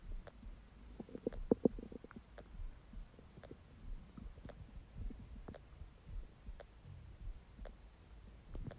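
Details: Low gurgling rumbles with a few sharper squelches over quiet room noise from an empty stomach; stomach growling, ordinary normal bowel sounds (borborygmi).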